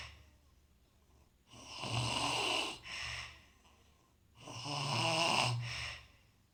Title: குறட்டை ஒலி Snore Sound